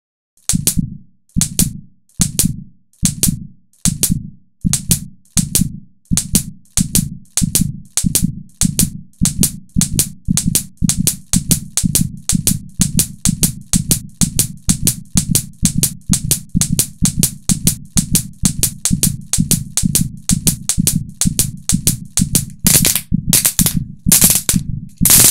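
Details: Heartbeat recorded from the beginning: regular dull thumps speeding up steadily from about 60 to roughly 150 beats per minute.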